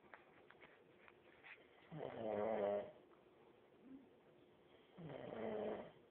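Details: Heavy snoring: two loud, rough, rattling snores about three seconds apart, separated by quiet breathing; likened to a chainsaw.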